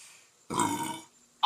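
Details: A single loud, rumbling belch about half a second long, a burp of swallowed air, during a Korean-language stream after drinking beer and eating; burping.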